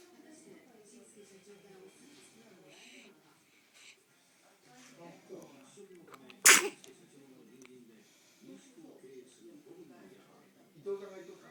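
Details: A single small, sharp sneeze from a one-month-old baby girl amid soft fussing and murmuring; an ordinary newborn sneeze.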